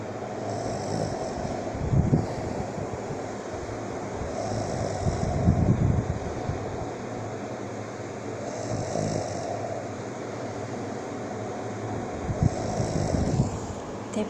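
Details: A boyfriend snoring in his sleep: low, rough snoring about every four seconds over steady background noise.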